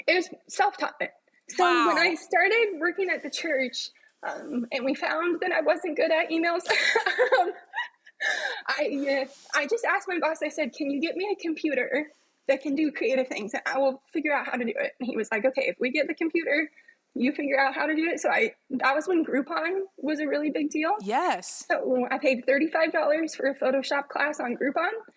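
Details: adult woman with spasmodic dysphonia, a vocal cord spasm she describes in her own speech during a podcast interview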